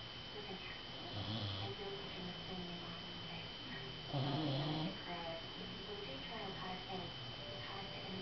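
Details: Male dog snoring: soft low snorts and one louder snoring breath over a steady background hum.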